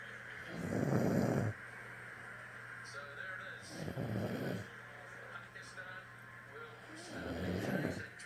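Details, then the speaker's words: A person asleep while watching a cricket match snores loudly, with deep rumbling snores on each breath about every three seconds over steady room noise and faint voices; snoring. "And not only we sleep, we snore so loud."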